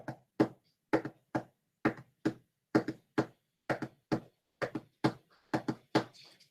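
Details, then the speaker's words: Teaching demonstration of heart sounds in a galloping three-beat cadence at about 65 per minute, with an extra sound likened to a galloping horse; the explanation notes S4 falls just before S1; gallop rhythm. "recuerda a oír galopar a un caballo fue escrito en los años 1800 pero son útiles"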